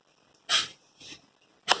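Two short hissing nasal bursts, then a sharp explosive burst: a sneeze.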